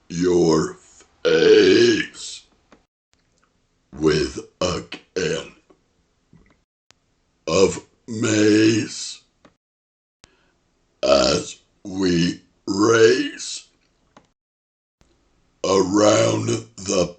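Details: Deliberate burp-talking performance, a rhyme on words rhyming with 'face'; series of long, deep, rumbling voiced belches shaped into words: burping.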